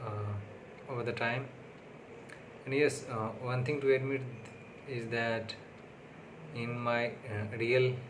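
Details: Adult man with self-reported stammering/stuttering, on day six of speech therapy, speaking unscripted English, not his primary language; he found recording difficult that day; stuttering.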